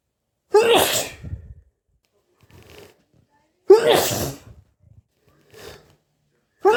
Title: itchy sneezes